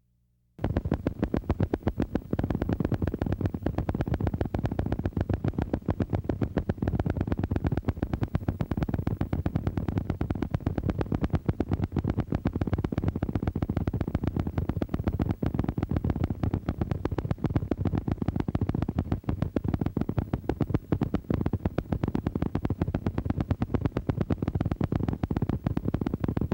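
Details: Needle EMG: high amplitude, long duration motor unit potentials, the hallmark of chronic denervation with reinnervation, appearing at least several months after nerve injury; includes high amplitude and long duration MUP examples.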